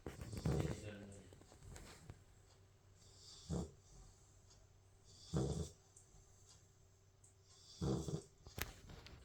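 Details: Sleeping Labrador puppy snoring: loud rattling breaths repeating about every two to two and a half seconds, roughly 25 a minute, over quiet room noise.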